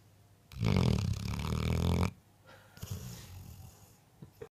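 One long, loud rattling snore on the in-breath, then a softer, noisier out-breath: a dog snoring in sleep.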